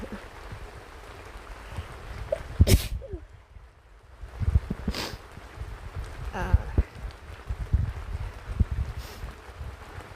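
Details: Sneezing with a cold on a sick rainy day, in a tent: a couple of sharp sneezes over steady rain patter and low rumble outdoors.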